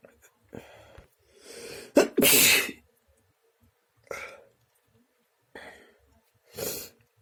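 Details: A run of about five sneezes, some with a drawn-in breath before a forceful burst; repeated messy sneezing.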